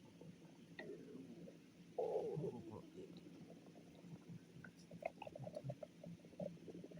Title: boots's stomach growling